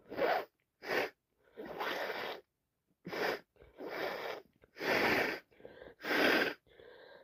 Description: can't stop sneezing I think be bed day tomorrow